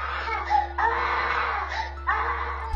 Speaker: The kid stands for a few good seconds in that position, all the while continuing to cry and yelling for his mom.